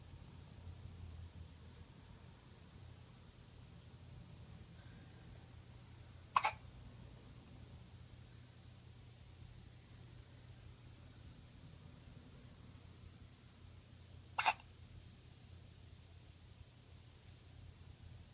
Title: More hiccups!